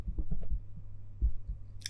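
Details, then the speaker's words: Soft low thumps at about 87 beats a minute, the presenter's own heart heard through a stethoscope on a 3Dio binaural microphone, pounding harder after sugary cashew yogurt; normal heart sounds. "I just drink some liquid cashew yogurt which has a lot of sugar so and thinking about it made my heart pound louder"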